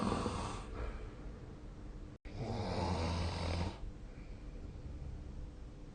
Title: 🐽 いびきの音 / Snoring Sleep Sound 2025/05/19